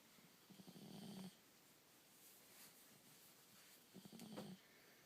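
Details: Cat sleeping peacefully under a pile of socks: two soft, low, rattling snores a few seconds apart, with faint room noise; ordinary sleep snoring.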